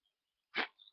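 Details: Person with a nasal tickle, possibly getting sick, struggling with a stuck sneeze: one short, weak, breathy burst that stalls before fully releasing.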